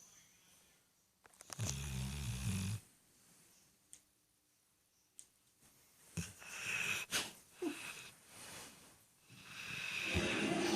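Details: Irregular snorts and rattling, wheezy breaths with quiet gaps between them from a Pit Bull dog asleep; snoring.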